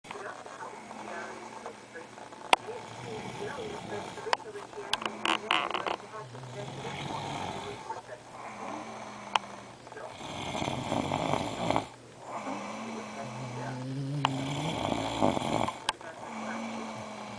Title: Pittbull & Husband Sync Snoring